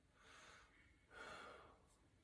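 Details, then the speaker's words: Male patient taking one deep breath in and out, heard through the stethoscope diaphragm over the chest; smooth, airy, no wheeze or crackle; lungs clear and equal bilaterally: normal bronchovesicular and vesicular breath sounds. "he does have bronchovesicular sounds um in his upper chest and then um vesicular sounds over the long fields his lungs are clear and equal to auscultation bilaterally there's no wheezing rails wrong time or any other invitation"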